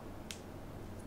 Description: This video discusses about knuckle cracking or joint popping which is practised by so many but equally detested by so many.